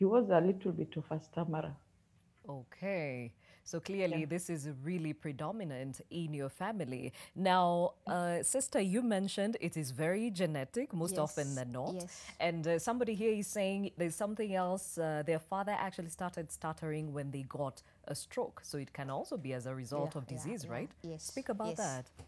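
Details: Adult woman speaking; normal fluent speech.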